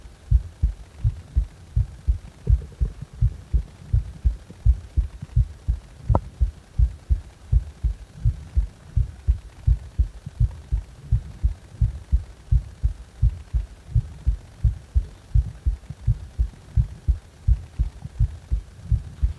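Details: Heart sounds recorded while the person felt discomfort in the heart: steady low thumping heartbeat, about 80 a minute, fairly regular, with a faint hum behind it.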